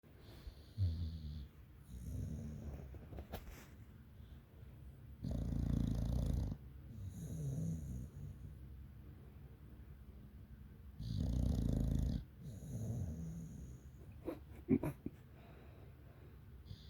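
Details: English Bulldog snoring: low snorting snores on each breath in, with softer whistly breaths out, in a quiet room; ordinary sleep snoring.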